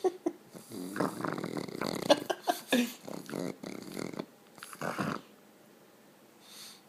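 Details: Awake dog: irregular rattling, snorting breath noises from the nose and throat that resemble snoring.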